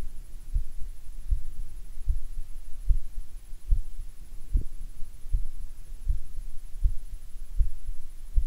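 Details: Normal heart sounds recorded with a DIY electronic stethoscope, software computing beats per minute: steady low heartbeat thumps at about 78 beats a minute, normal rate and rhythm.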